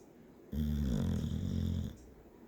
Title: Chip snoring(1)